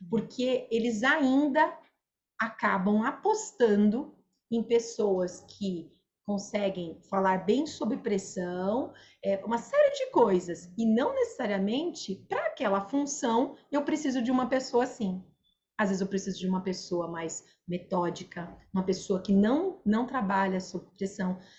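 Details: Adult woman speaking Portuguese; typical speech.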